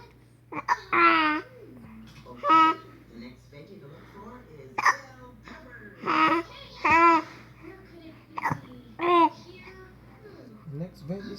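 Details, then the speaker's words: 5-month-old baby babbling and cooing, broken by sharp, abrupt hiccup catches every couple of seconds; ordinary infant hiccups. "What in the world kind of hiccup is that? Hi. Aw. Poor sweetie."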